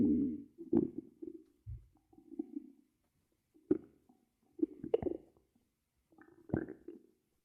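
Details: An ASMR recording made by monitoring a person's own belly: irregular gurgling and rumbling bursts with short pops and quiet gaps. Ordinary stomach growling (borborygmi).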